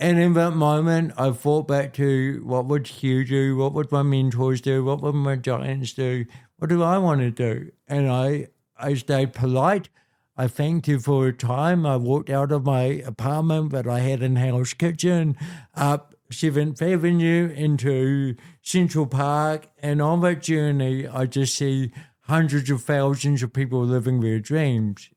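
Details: Dysarthria in an adult man born with cerebral palsy, a physical disability affecting how messages travel around his body; he was told walking and talking would be his biggest challenges.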